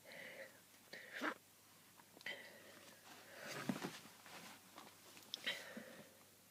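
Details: Repeated sneezing while sick with a cold, sneezing over a hundred times in a day: several short, stifled sneezes in a row with quick breaths between.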